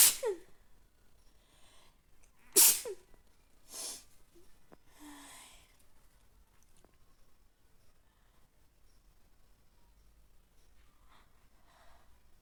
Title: messy sneezes and nose blowing #sneeze #sneezing